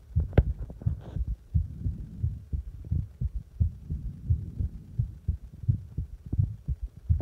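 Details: Own heartbeat heard after pressing on the chest: steady low thumps at about 87 beats per minute, with some rubbing noise at the start.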